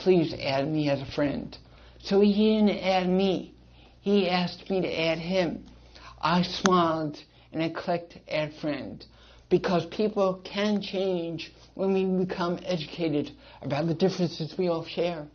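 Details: Dysarthric speech in an adult male with congenital cerebral palsy and associated hearing loss.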